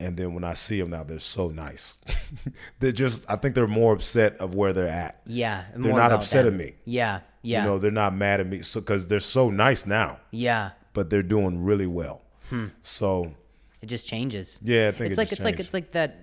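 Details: Adult man in conversation; typical speech.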